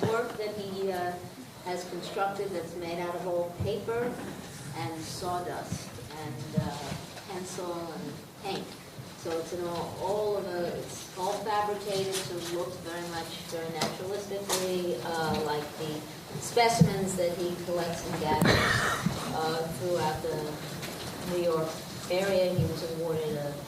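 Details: Adult woman speaking; typical speech.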